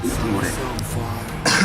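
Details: A singer, who had a cough throughout the D-Day Asia tour, gives a single short, harsh cough near the end, partly masked by background music and talk.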